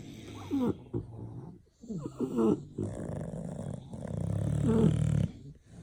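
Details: Several sleeping bulldogs snoring: snorting, rattling snores with grunts and wheezy squeaks.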